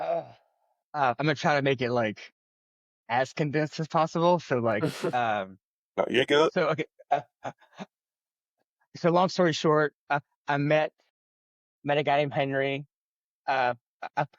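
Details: Adult man who has stuttered since childhood and says he struggles with it every day, speaking spontaneously in an interview; stuttering.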